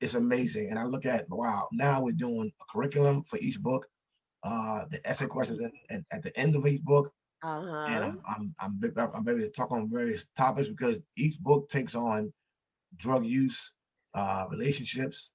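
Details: Stuttering in an adult man, an author and motivational speaker, who says he stutters and that others can hear it.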